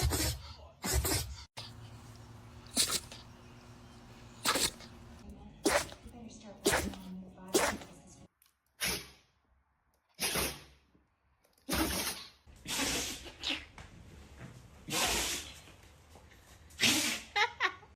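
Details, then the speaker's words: Compilation of dogs of many breeds, from Chihuahuas to Golden Retrievers, sneezing: a string of short, sharp nasal bursts with quiet gaps and brief room noise; repeated dog sneezes. "Oh my goodness, what a big sneeze. Poor little buddy."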